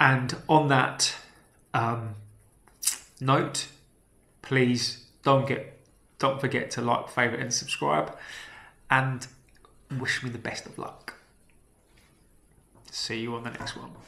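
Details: Man who says he stammers (real, self-reported), speaking naturally; stammering.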